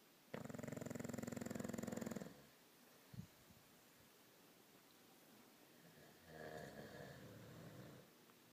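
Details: Snoring, possibly two sleepers in sync: a loud, buzzing rattle on the breath lasting about two seconds, then quiet, then a softer second snore.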